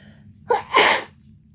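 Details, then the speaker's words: Person deliberately inducing sneeze by putting swab in nose: single sneeze, short indrawn breath then sharp explosive burst of air through nose and mouth, followed by runny nose. "Alright, let's get started. Nothing yet. Alright, here's one sneeze."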